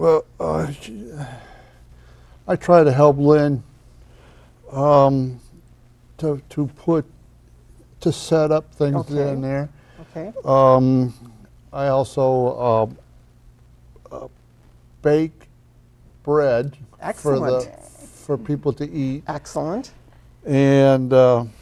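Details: 62-year-old man with aphasia caused by a stroke in 2009, attending a community aphasia program after speech therapy; aphasia.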